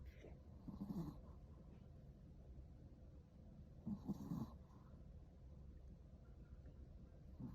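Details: Snoring: two low, rough, fluttering snores about three seconds apart with soft breathing between.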